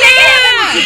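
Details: A young girl's brief, high-pitched wailing cry with a strained, tonal quality, while having her ear pierced, one ear already done; crying from pain and fear.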